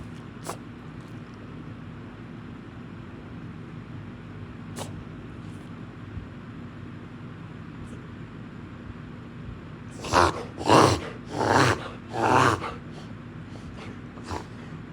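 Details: Black Labrador with kennel cough, owner thinks caught at the groomers: a run of four harsh, forceful coughs in close succession; honking cough.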